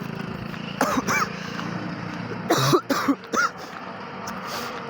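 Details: Cough in a student after a Hindi exam, coughing severe enough to interrupt the test: several harsh, hoarse coughs in short bursts with traffic noise behind.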